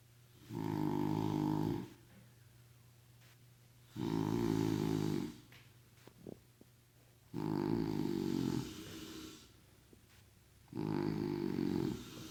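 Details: Two people snoring in sync: four loud, rough, low rattling snores roughly every three seconds with quiet gaps between, about 18 breaths a minute.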